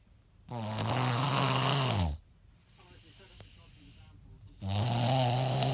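Loud, rough, low rattling snores on the in-breath, two heard, with a quieter breath-out between them; snoring.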